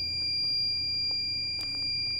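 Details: Steady high-pitched electronic alarm tone with a few clicks over faint room noise, from a Phoenix resuscitator being tested during repair of its power supply board after a no-power fault; medical device alarm.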